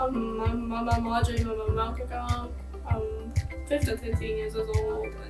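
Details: High school female soccer player, recorded before starting upper cervical care, who developed a stutter and speech impediment plus vertigo after a concussion from being kicked in the head during a game; acquired post-concussion stuttering.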